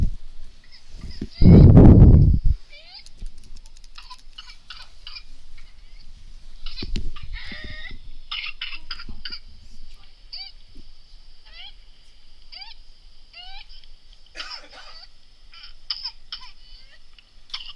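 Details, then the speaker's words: Infant with whooping cough (pertussis): rapid repeated coughing bursts with short high rising whoops between coughs. "he pretty much did get what it was was whooping cough"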